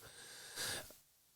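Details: Adult wheezing badly while trying to quit cigarettes; he feels it in his lungs and chest.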